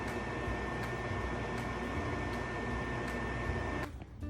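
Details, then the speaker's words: Steady loud motor roar with a constant whine, then an abrupt drop near the end; an Aegis VacStation suction unit switched on and tested for suction holding a cotton filter in place. "so we're just going to go ahead and flip it on and then we're going to place your cotton filter right here take your hands off of it if it's holding it in place just fine then the unit's sucking properly"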